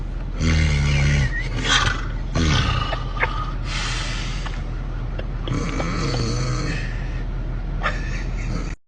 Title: Ranking The Best Snoring Moments #snoring #sleep #sleeping